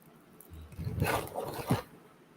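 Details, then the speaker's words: Foster puppy passed out asleep, snoring: two low, rough, fluttering breaths over quiet room noise, the second ending in a brief snort. "oh my god chicago is so sleepy did you guys see him wait a minute do you see chicago he's passed out he's passed out he's snoring can you hear him snoring here i'll stop talking"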